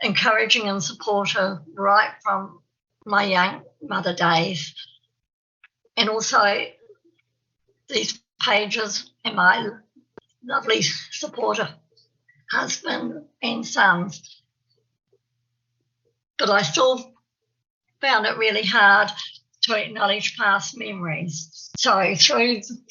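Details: Adult woman who describes herself as having a stammer, giving a presentation; stuttering.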